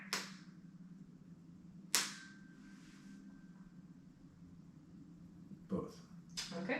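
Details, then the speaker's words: Tuning fork struck and placed on top of the head for the Weber hearing test during a head-to-toe exam: sharp strikes, then a faint steady ringing tone; expected finding reported. "we'll also do the Weber test I'm going to strike this tuning fork place it on top of your head and let me know if you can hear it in both ears or just one"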